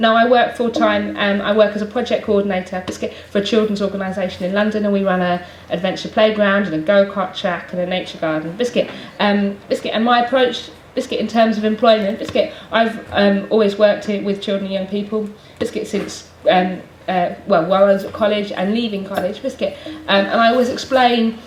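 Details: Adult woman with Tourette syndrome producing frequent involuntary vocal tics such as "biscuit" and "hedgehog", some repeated hundreds of times a day; she has no control over which words become tics; vocal tics (Tourette syndrome).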